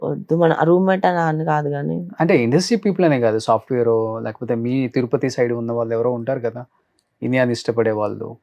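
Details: Adult male speaker (interviewer); normal speech.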